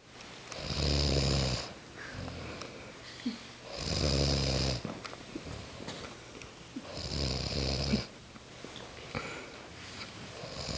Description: Mother and daughter caught on tape snoring in sync at camping trip. Mother is first than daughter.